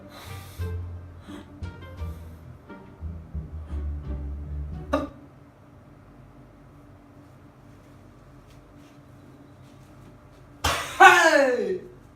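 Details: A few short catching breaths, a pause, then one loud sneeze burst near the end: sneezing.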